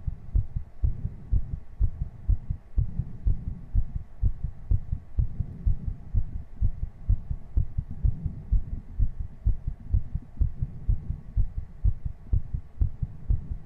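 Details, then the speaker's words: Heartbeat recorded on a 3Dio binaural microphone after exercise: fast, strong, regular beat at about 125 per minute, a quickened heart rate after exercise. "all right Chad I'm gonna get up and do 60 jumping jacks I'll be right back with some heavy breathing and energetic Heartbeats again"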